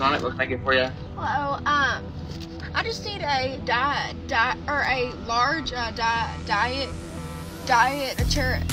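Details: Young woman with situational, anxiety-induced stutter, worse under pressure around others; mainly blocks plus word and sound repetitions; stuttering.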